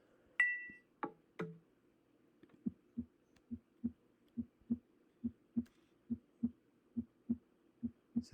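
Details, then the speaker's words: Normal S1 and S2 heart sounds, a steady lub-dub at about 70 per minute with no extra sounds, played as a teaching example before S3 and S4 examples. "this is a normal S1 and S2 and now we have an S3 and N S4 and we'll practice much more with that"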